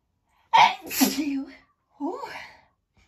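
A sharp indrawn breath, then a forceful voiced sneeze burst, followed by a second shorter vocal sound; a single sneeze.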